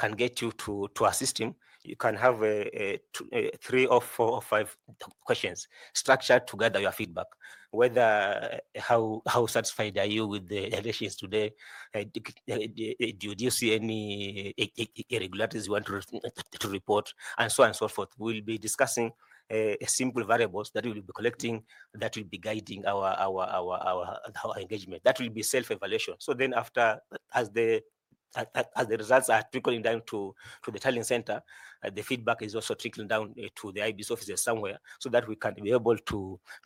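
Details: 41-year-old male who says he stammers a lot, speaking in a selection panel interview; stuttering.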